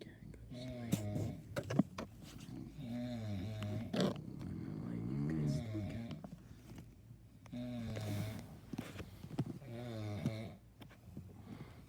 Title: My dad and uncle snores !!rage!!